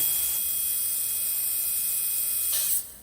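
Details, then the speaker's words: Steady high-pitched whine for about three seconds that winds down at the end, from a dental high-speed drill running; its buzzing sound varies with what is being drilled, and high-speed suction adds to the noise. "it may make that buzzing whirling sound and depending on what we're drilling against that will make more noises"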